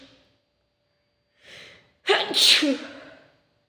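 A soft inhaled catch builds into one loud, sharp, hissing sneeze burst that trails off; a single sneeze.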